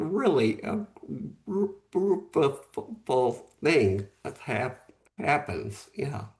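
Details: Post-stroke aphasia in a man, stroke 11 months earlier; at first could say only one word, could speak a little after three or four months; real, unscripted speech.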